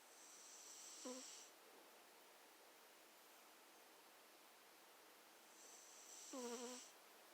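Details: Sleeping pet cat snoring: soft, faint whistling snores, about two breaths several seconds apart; harmless snoring.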